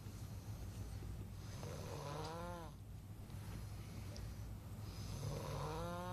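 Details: Nighttime snoring in a sleeping person: two long, rough, rattling inhaled snores with a low buzzing tone over a steady low room hum.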